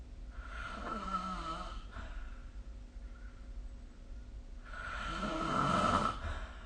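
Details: Snoring recorded with the SnoreLab phone app during sleep; two long, loud rattling snores on the in-breath, separated by a quieter out-breath, in a quiet room.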